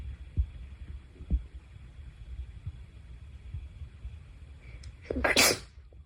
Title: sneeze 11-20